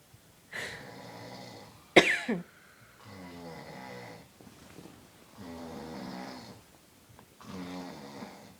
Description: Daddy snoring after a long hard day at work and me in the background laughing and I snorted after i laughed